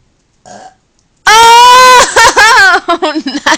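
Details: Someone burping on purpose: a faint brief sound, then a loud, drawn-out voiced belch about a second long, followed by chopped vocal sounds.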